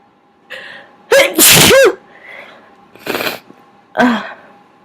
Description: I've sneezed so much, my inducing method isn't working as well, but I still managed to get some out, and boy were they big!